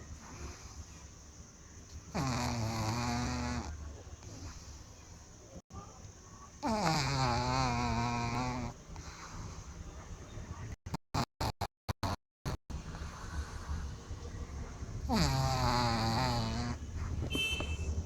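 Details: Loud, drawn-out rattling snores on the in-breath, recurring every several seconds, with brief clicks between them; snoring.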